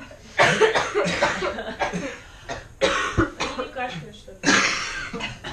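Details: Cough, final one of a recording.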